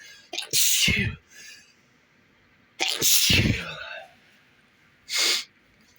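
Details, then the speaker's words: Three sneezes in a row in bed, each with a sharp in-breath and forceful noisy burst; quiet room. "Try to hold it, fight it back. Fight it back, hold, whatever. Achoo. Oh."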